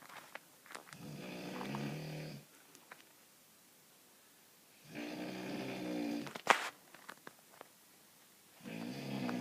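Long, loud, rattling snores on each breath in, roughly every four seconds, with quiet pauses between; heavy snoring.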